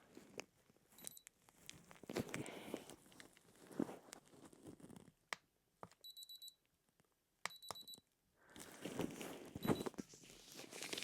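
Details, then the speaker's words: Simulated ASMR paramedic home-visit roleplay: an ear thermometer reading gives short groups of high electronic chirps between soft rustling and handling noise. The reading shows a fever of 38. "just going to pop this thermometer into your ear okay any side this one okay I'll go around here and do that you just hear a couple of beeps"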